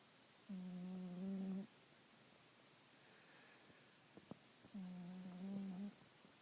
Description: This cat is the best snorer I know...haha